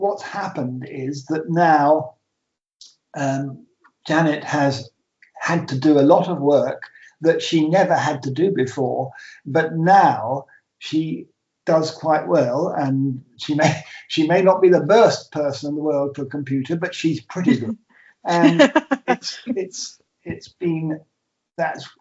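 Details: Adult man with aphasia after two strokes, with trouble naming things and starting conversations, and numbers coming out back to front; real patient speech; aphasia.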